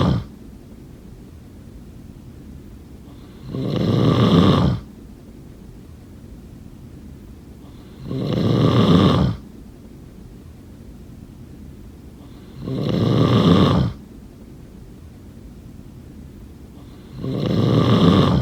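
Loud rattling snores on each in-breath, four in about 18 seconds, roughly 13 breaths a minute, with quiet pauses between: regular snoring.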